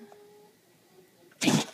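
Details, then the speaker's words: Female dog, in a sneezing fit while trying to cover a bone: quiet room, then one short, forceful burst of air through the nose; a sneeze. "Oh my gosh! Bless your heart! She's in a sneezing fit!"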